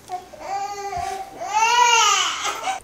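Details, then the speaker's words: Newborn baby girl, fussy around dinner time and later found to have a wet diaper: short fussy cries building into a loud, sustained wail; ordinary newborn crying. "She always gets fussy around dinner time. 'Cause she just like tired or restless."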